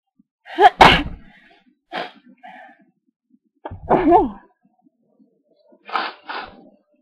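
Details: Person sneezing into a duster on request: three sharp sneezes, each with a quick intake of breath before the explosive burst, with brief small sounds between them.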